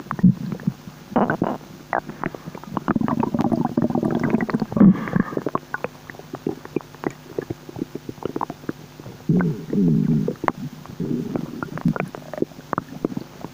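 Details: Bubbling, gurgling stomach noises with low rumbles and short pops, typical of ordinary digestion or hunger; bowel sounds (borborygmi).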